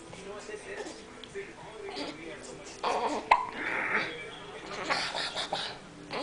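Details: Hiccups in a baby boy: a single sharp, abrupt gulping catch of breath among soft baby vocal sounds and adult talk.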